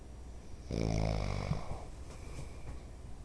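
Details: One low, vibrating snore on inhaling from a father who denies snoring, then quieter breathing against steady background noise; snoring.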